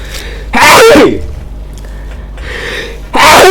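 Two loud explosive sneezes, each with a sharp intake and forceful burst, separated by quieter breathing.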